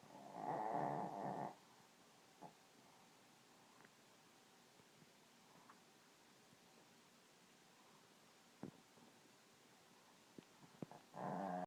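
A short rumbling snore, a long quiet stretch with small clicks, then another snore starting. Ordinary snoring.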